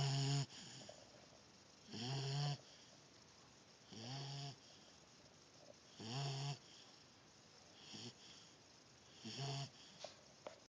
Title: snoring!